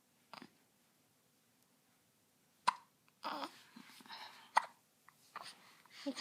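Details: Baby girl awake early in the morning: about three soft, sudden infant hiccups mixed with quiet baby sounds and breathing; hiccups.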